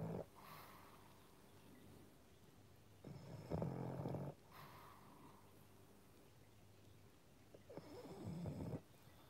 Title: PUG SOUNDS ASMR - Pangpang the Pug sleeping and snoring in his new frog sweater (YouTube Live Short)